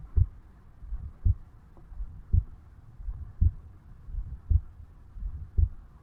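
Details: 35-year-old male's own heartbeat recorded at the mitral (bicuspid) area on waking in the morning: slow, steady lub-dub at about 56 beats a minute with faint low background hum; normal heart sounds.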